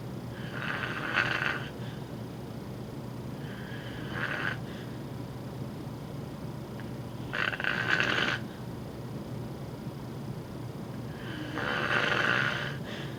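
Loud, rough snores recur about every 3 to 4 seconds against steady room noise, a pattern linked to sleep apnea.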